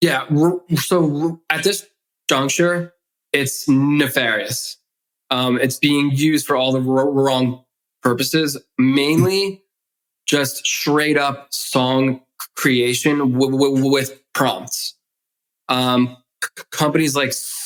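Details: Adult man who has stuttered since childhood, speaking in adulthood; stuttering.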